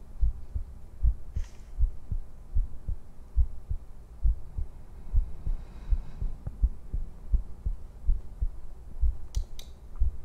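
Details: Streamer's heartbeat from a livestream heartbeat compilation: steady low thumps at about 75 beats per minute with faint room noise and a few clicks.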